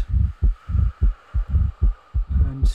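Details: Simulated heart sounds at about 90 beats a minute on stethoscope auscultation, with a soft early diastolic murmur after the second sound: aortic regurgitation.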